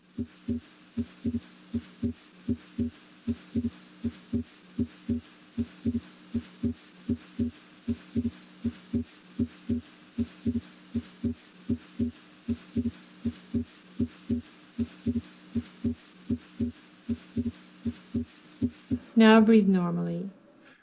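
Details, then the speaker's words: Normal heart sounds in the pulmonic area with deep breathing; S2 splits into A2 and P2 on inspiration and fuses into a single S2 on expiration: physiologic splitting of S2. "this physiologic split of s2a and s2p normally occurs during inspiration during expiration however these two components are fused into a single sound s2"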